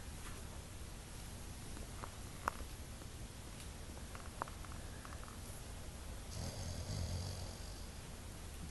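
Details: Low rumbling snore with soft irregular snorts against room noise from a sleeping Boxer dog: snoring.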